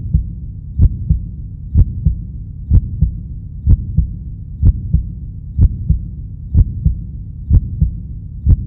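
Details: Steady, regular lub-dub heartbeat at about 62 beats a minute with a low hum behind it, presented as a cartoon character's heartbeat; normal heartbeat.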